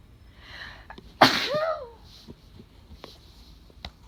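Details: One loud, explosive allergy sneeze with a voiced tail, in a quiet room; sneezing.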